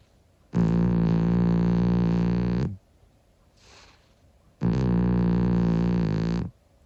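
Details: Two long, loud, buzzing snores about two seconds each with a soft breath between, from Monkey, a sleeping 25-year-old calico cat; snoring.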